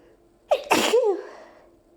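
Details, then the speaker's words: Allergy sneezing after opening windows on a hot summer day, with a nonstop nose tickle for two minutes: one sharp sneeze after a quick indrawn breath, ending in a short voiced trail, with more sneezes still coming. "I still have to sneeze. There's more. No, I still have to sneeze."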